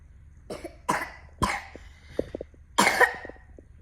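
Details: Young child giving several short, forced coughs on purpose, not from illness, reportedly to get sweet cough medicine.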